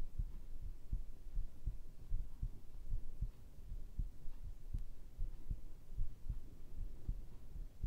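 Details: Heartbeat for ASMR sleep audio: steady low thumping, about 80 beats a minute, with a faint hum behind it.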